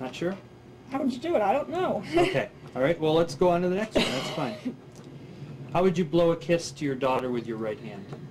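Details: Adult examiner speaking, with a brief reply from another adult; ordinary speech.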